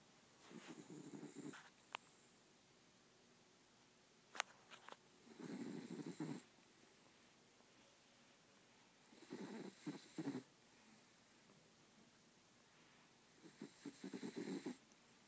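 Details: Exhausted sleeping dog snoring: soft, rough, low snores about every four seconds, roughly 14 a minute, with quiet between; ordinary snoring.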